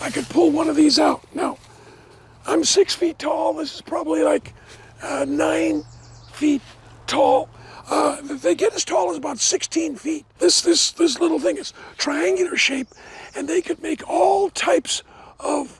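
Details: Adult man with dysphonia after partial vocal cord resection: one third of the vocal cords removed in 2008 after two bouts of vocal cord cancer, first diagnosed from hoarseness; he never smoked, and the cancer was probably caused by secondhand smoke.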